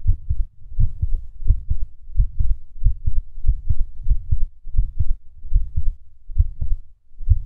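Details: Irregular heartbeat with skipped beats.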